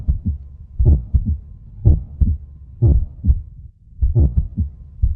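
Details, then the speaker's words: Normal heartbeat felt by placing palm on chest, illustrating the heart's continuous work: low, regular lub-dub heart sounds, about 70 beats a minute, with music. "धडधड तिथे असलेल्या हृदय या इंद्रियाच्या सतत सुरू असलेल्या कामामुळे निर्माण [संगीत] होते"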